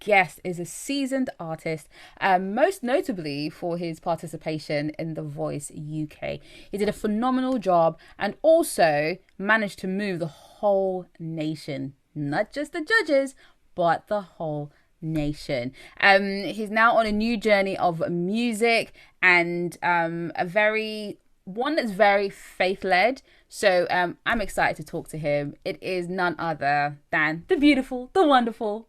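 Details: Adult woman speaking; normal speech.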